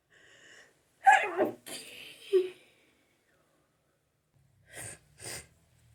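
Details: Sneezing fit after a shower: sharp indrawn breath, then forceful sneezes followed by a couple of smaller nasal bursts.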